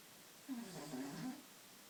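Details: A pet cat that snores habitually, asleep in the shower, gives one soft, rattling snore on a single breath, with quiet room noise before and after.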